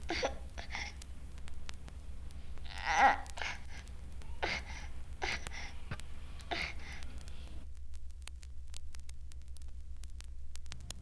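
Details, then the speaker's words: An infant with severe pneumonia gives short, clipped, near-mechanical grunting cries and breaths, with bronchial breathing almost audible: expiratory grunting. "The following sounds were made by an infant with severe pneumonia. Note the grunting near mechanical sound of the crying and breathing. One can almost hear the bronchial breathing in this example."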